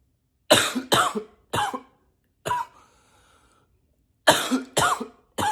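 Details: Acted, voluntary coughing, sometimes deliberately in a deeper voice: seven sharp cough bursts in clusters of two and three, some deeper in pitch.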